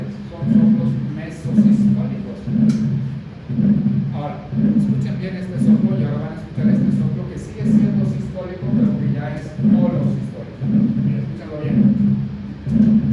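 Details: Holosystolic regurgitant murmur.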